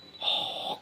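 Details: A child makes a brief, hissy, snort-like breath sound imitating the father's snoring.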